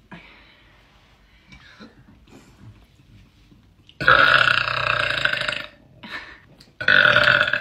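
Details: Girl in her bed: quiet breathing and rustling, then two long, loud belches; burping.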